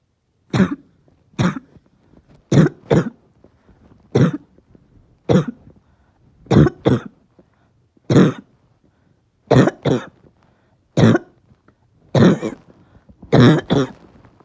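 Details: Person whose chest is really hurting gives about fifteen harsh, barking coughs, singly and in pairs, with quiet pauses between; barking cough.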